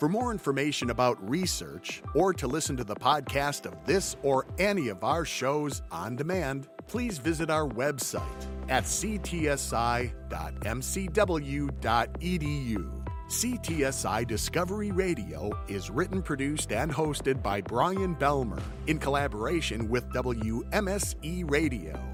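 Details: Adult male announcer; normal speech.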